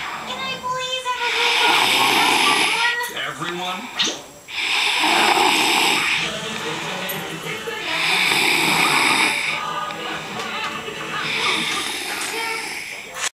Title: Snore